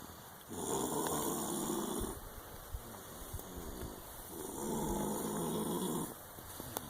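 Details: Two long, rasping snores about four seconds apart over a steady hum of room noise; snoring during sleep.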